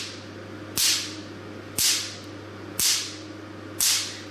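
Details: Four sharp, loud cracking snaps about once a second over a low hum, from a 600-picosecond tattoo removal laser firing through a plastic bag over the output; the crisp sound indicates a very short pulse: picosecond laser firing.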